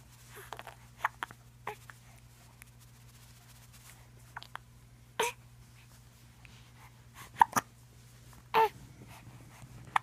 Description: Our little pumpkin has hiccups every night after dinner. She gets a little upset, but it's a little bit she quickly get happy again.